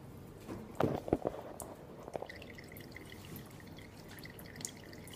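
Soft dripping and trickling of fluid running through IV tubing, priming the line to clear air bubbles.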